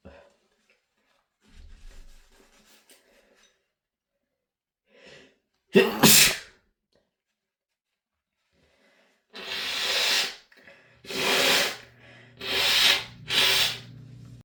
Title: loud rapid sneezing (m)